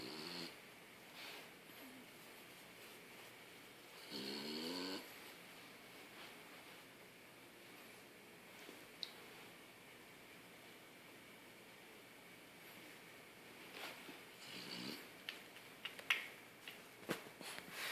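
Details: A sleeping French Bulldog with a saggy face snores softly and quietly, with a few louder rattly snorts between long quiet stretches. Snoring.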